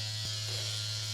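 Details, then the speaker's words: Dr. Pen M8S microneedling pen with 42-needle cartridge running before use on the forehead, first-time at-home facial session without numbing cream; steady electric buzz with low motor hum, normal operating noise described as very loud. "It's very loud and scary because of that, but that's fine. Where do I start?"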